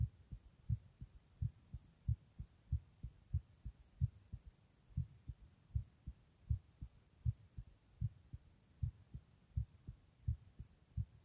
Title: Just my heartbeat sound (listen with headphones)